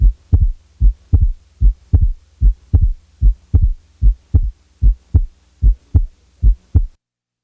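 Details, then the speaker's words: Regular heartbeat near 75 a minute, heard best at the left base with the diaphragm; S2 widely split, 40–50 ms versus the normal 30 ms, with the split occasionally removed for comparison: wide split second heart sound. "the wide split has a duration of 40 to 50 milliseconds compared to the normal physiologic split of 30 milliseconds it is heard best at base left with the diaphragm listen to the following widely Split Second sound"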